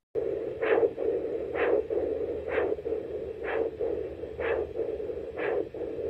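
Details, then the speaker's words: Control Doppler recording of both radial pulses in a patient with coarctation of the aorta: regular whooshing pulse sounds about 63/min arriving at the same time, normal simultaneous radial pulses. "this is a control both of his art His Radio pulses should come at the exact same time"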